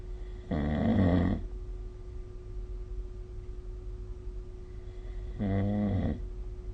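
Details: Snoring during sleep recorded with the SnoreLab phone app: two long, low, rattling snores about five seconds apart, with quiet breathing between over a steady faint hum.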